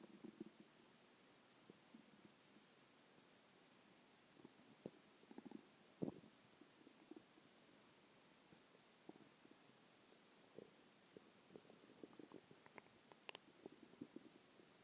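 Faint, scattered gurgles and small pops against a quiet background. Ordinary stomach growling.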